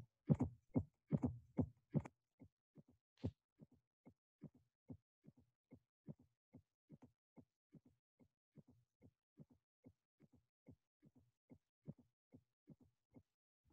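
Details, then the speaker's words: Regular heartbeat near 72 a minute with a soft extra sound just before S1, an S4 gallop from atrial contribution to ventricular filling. "In the following two slides, you'll be able to appreciate the sound of the fourth of S4 in HOCM and in aortic stenosis."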